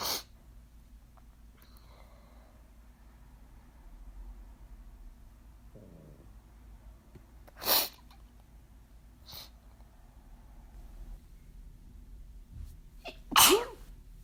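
Two sharp explosive sneeze bursts with a smaller snort between, over quiet room noise.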